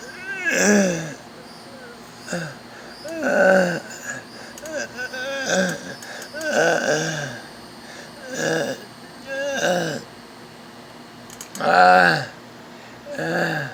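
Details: Child with stridor, who says they can't breathe: harsh, high-pitched crowing noises with each breath in, from a narrowed upper airway.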